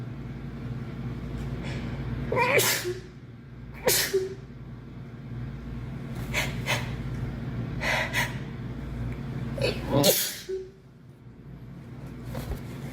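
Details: A girl sneezing: a run of several sharp sneezes with quick breaths between them, over steady room noise.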